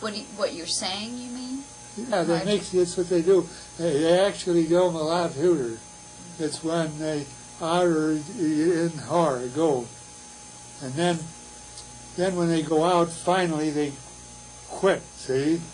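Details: Wernicke's (fluent) aphasia with fluent but empty, paraphasic speech and poor comprehension; Wernicke's aphasia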